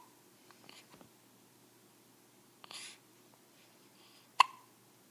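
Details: Newborn baby boy, 6 days old, with hiccups: a few brief, sharp, soft bursts at irregular intervals in a quiet room.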